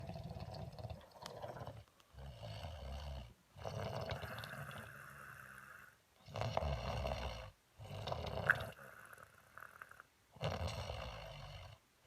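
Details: Loud, rough, rattling snores on repeated breaths every two to three seconds, separated by brief silent gaps; heavy snoring.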